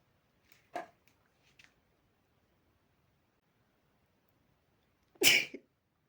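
Two sharp, hissing spray sneezes a few seconds apart, preceded by faint snuffles, in a quiet room; sneezing from dust irritation.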